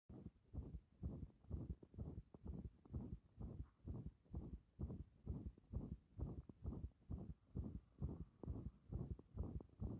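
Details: Heart sounds via stethoscope pressed directly and firmly on the chest: rapid low thudding beats, roughly 130 a minute, muffled by rubbing.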